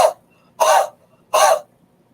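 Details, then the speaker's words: Three short, forceful open-mouthed huffs: huff coughing taught as an airway clearance technique, breathing in deeply through the nose, leaning forward and contracting abdominal muscles to move mucus up from congested lungs. "how do you do it is rename a TP through your nose and then Exhale by leaning forwards and sharply like three halves so breathing in deeply leaning forwards and Contracting your abdominal muscles and doing"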